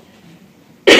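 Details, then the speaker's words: Simulated adult cough in an acted pharmacy role-play: near-silence in a small room, then one sudden, loud, harsh cough. "hey how are you doing oh i just coughed my hand okay i'm sorry"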